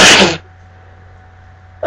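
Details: One loud, explosive sneeze, then quiet room hum, from a person who is very allergic to cats, with a cat in the room while reading aloud from a Kindle: allergic sneezing.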